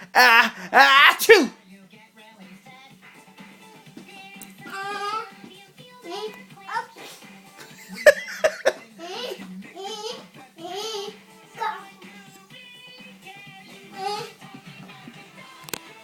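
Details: Young child making loud pretend sneezes, then soft talk and babble; an imitated sneeze, not a real one.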